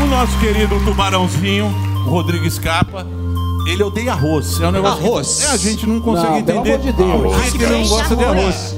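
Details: Adult male speaker; typical speech.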